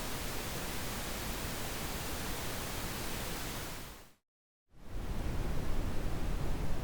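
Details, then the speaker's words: Simulated tinnitus, ocean type, played as an example of what people report hearing: a steady rushing noise like ocean surf, with a brief gap. "Now I will play a series of sounds that represent the typical types of tinnitus percepts people report hearing. Ringing. Teapot whistle. Crickets. Electric ringing. The ocean."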